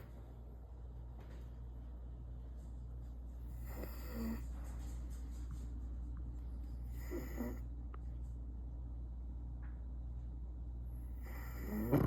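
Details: A deaf mother French bulldog snoring while asleep: three loud, rattly snores about every three and a half seconds over a steady low room hum.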